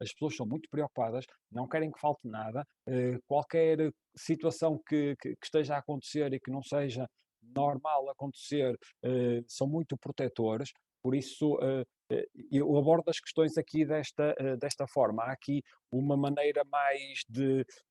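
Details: Female host who says she stutters, speaking Portuguese in an interview; stuttering.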